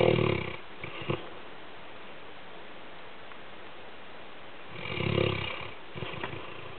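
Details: A sleeping labrador guard dog snoring: slow, rumbling snores with soft snorts between them, about 12 breaths a minute, in a quiet room.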